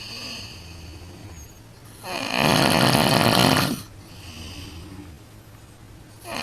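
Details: Loud snoring at night in a hotel room: a single harsh snore of almost two seconds against steady room noise.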